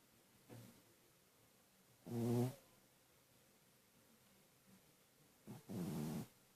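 Soft, then louder rumbling sounds with a buzzing, fluttering quality on two breaths, with quiet gaps between. Snoring in a sleeping dog.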